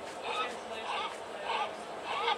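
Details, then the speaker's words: Young Black Russian Terrier with juvenile laryngeal paralysis and polyneuropathy: rapid, harsh, high-pitched noisy breaths, difficulty moving air in on inhalation, unlike asthma's expiratory wheeze. Inspiratory stridor from laryngeal paralysis. "carefully wheezing. In contrast with asthma it's easing when they inhale whereas asthma is more of an exhale and so you see that kind of breathing pattern where they have trouble moving air into their airway."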